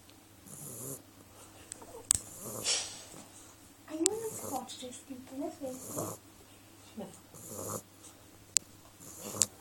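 Soft, irregular snorting and snuffling breath sounds from a sleeping dog, with a few sharp clicks in a quiet room; snoring.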